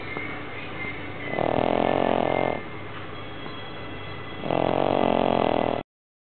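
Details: Pug snoring in sleep; two loud, buzzing snores about three seconds apart, with quieter breathing between.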